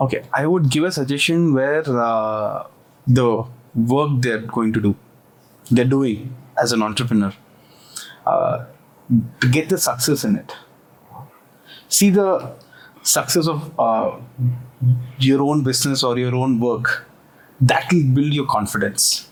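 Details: Stammering in an adult man who has stammered since early childhood and still stammers on some words; stammering (stuttering).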